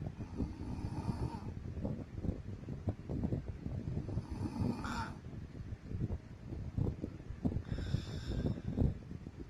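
Low, rough rumbling breathing noise in sleep, consistent with snoring, over faint room noise.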